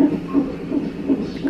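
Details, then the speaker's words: Fetal heartbeat on a fetal monitor at 41 weeks of pregnancy during induction of labour; fast, pulsing whoosh, partly picked up because the baby keeps moving away from the monitor. "he keeps moving and the monitor can't pick up the heartbeat and they have to keep coming in here to find the rv"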